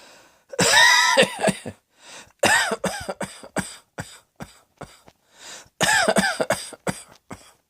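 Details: Acted coughing: three bouts of loud, harsh, partly voiced coughing, each with several rapid bursts and throat-clearing sounds, in a quiet small room.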